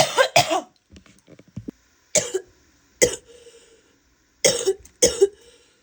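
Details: Wet, productive cough from a female: about six harsh cough bursts with a loose, rattly quality, plus brief throat and spitting sounds between them.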